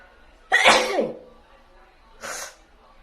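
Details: A woman sneezing: a sharp voiced explosive burst with a falling tail, then a softer breathy burst, a sneeze followed by a brief after-sound.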